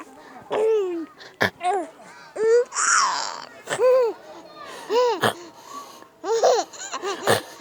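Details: Infant's several short, sharp coughs between bright squeals and giggles, laughing straight after each cough during playtime indoors.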